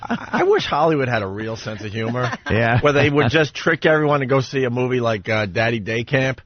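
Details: Adult male speaker; Normal speech.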